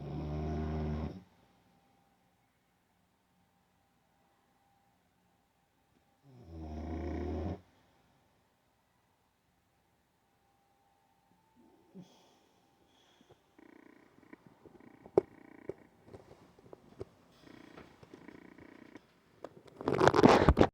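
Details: Sleeping Olde English Bulldog, a short-nosed breed, snoring: two loud, rumbling snores about six seconds apart, then quiet shuffling and rustling; ordinary snoring.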